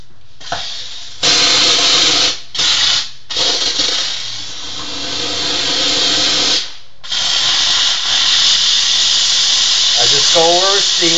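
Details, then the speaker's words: Dental lab steamer: loud hissing blasts with brief pauses as finished, ground porcelain crowns are steam-cleaned by hand-held pass before glazing. "h so now what I do is I steam clean my crowns"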